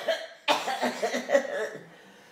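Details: Small voiced cough-like bursts from a 10-month-old infant playfully imitating a grandparent's cough, not a true cough.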